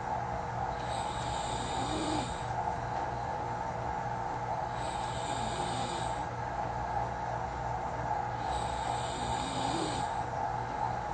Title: Recorded myself snoring😂it sounds weird! soft, quiet.